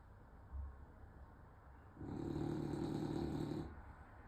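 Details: French Bulldog snoring: after a faint earlier breath, one long, loud, droning snore with a whistling, siren-like tone.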